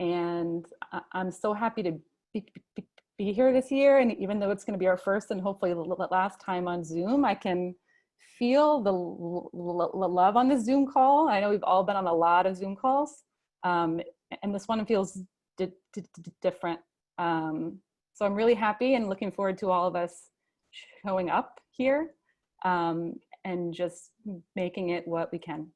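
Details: Adult male, a father, who stutters and chooses to stutter openly, speaking at a convention for young people who stutter; stuttering.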